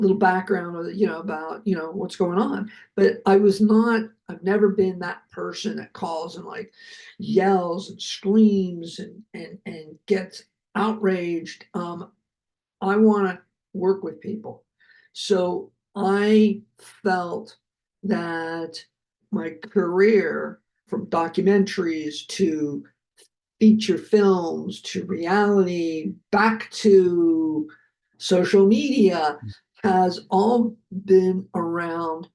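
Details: Adult man who survived a heart attack and has aphasia, speaking just after noting his aphasia was kicking in; aphasia.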